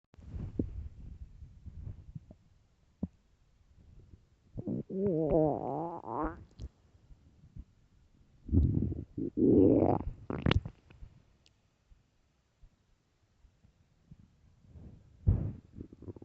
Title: extreamly LOUD stomach growls and empty stomach